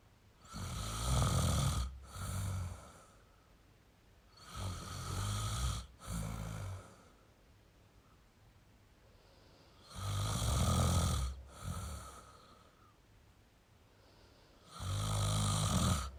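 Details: Male snoring: loud, rattling snores with each in-breath, roughly 13 breaths a minute, with quiet pauses between.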